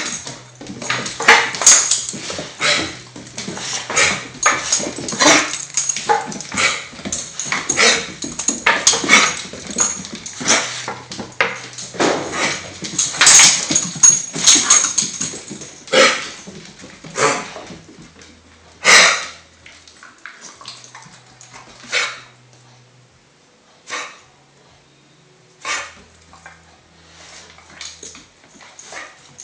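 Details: Female dog with a coughing fit of rapid, harsh, hacking bursts that slow into spaced coughs. Episodes last 30 seconds to 1 minute, 2–3 times daily, and she is still in good spirits; owner suspects kennel cough.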